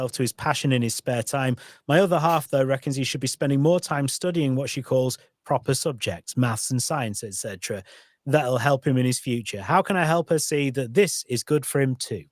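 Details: Adult male speaker; normal speech.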